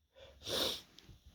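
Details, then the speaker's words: Single sharp, hissing sneeze after a brief in-breath, from an adult with dust allergy irritated by household dusting; allergic sneeze. "Oh God. Yeah, it's just tickling my nose like so bad. I feel this sneeze coming."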